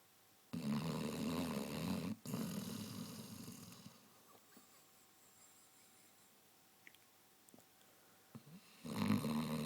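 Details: Sleeping Basset Hound snoring: loud rattling snores on inhalation in two long stretches with quiet pauses between.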